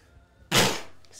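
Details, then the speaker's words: Sneeze from an adult man while he paints; he feels it coming, sneezes again afterwards, and says it is just allergies. "add some highlights on some of these rocks that sneeze coming on hold on"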